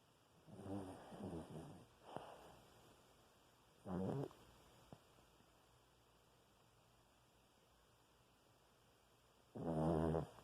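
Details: Sleeping dog with a twitching nose: short, low, fluttering snores a few seconds apart in a quiet room, said to sound like a fart; ordinary snoring.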